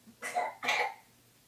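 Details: Young child with a cold: two short, loose, wet cough bursts, one right after the other, with faint room hum; cough.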